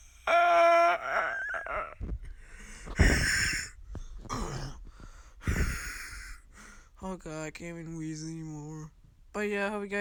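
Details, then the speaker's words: Person demonstrating their own wheeze: loud, forced breaths with high squeaky whistling and lower groan-like tones; wheeze. "yo what's up my dudes and today you know we're showing you my wheeze it's it's a pre-30 wheeze"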